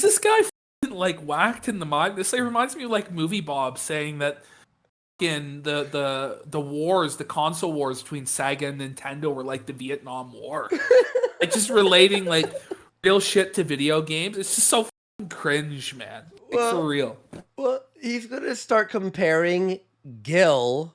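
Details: Adult male speaker; normal voice.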